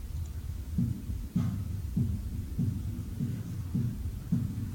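Regular, quick low heart thumps at roughly 100 beats a minute: normal heart sounds of a one-year-old.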